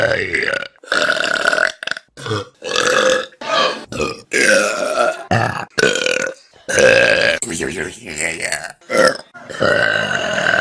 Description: The best burps on vine.